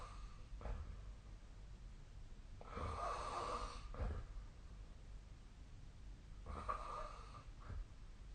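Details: Nightly sleep snoring: rough, rattling snores with each breath in, with quieter snorts between; ordinary snoring.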